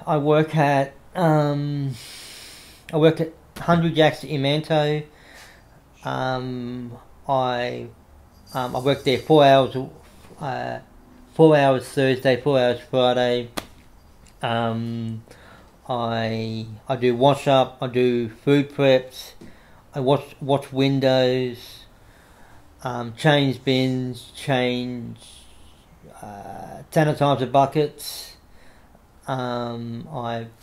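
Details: Adult man with cerebral palsy since infancy affecting right arm and leg, who reports a stutter he tries to control by calming down; stuttering.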